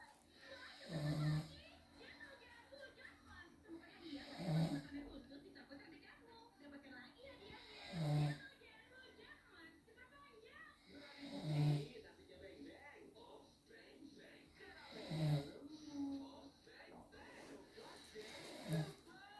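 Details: Father snoring in his sleep, filmed by his wife or daughter because he did not believe he snores: loud, low, rattling snores about 17 a minute in a steady rhythm, television in the background.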